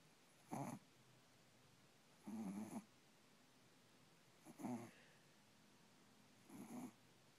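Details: Sleeping Yorkshire terrier, eyes sometimes half open: four short, snuffly, rumbling snores about two seconds apart, roughly 30 a minute, with quiet pauses between; snoring.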